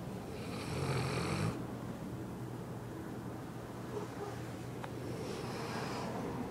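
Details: Dog snoring while sleeping: a low, rumbling snoring breath, then a quieter breath over steady room noise.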